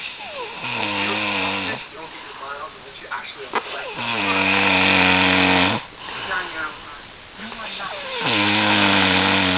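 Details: Man snoring while asleep, keeping his bed partner awake: loud, harsh, buzzing snores with noisy breaths between, about 15 breaths a minute.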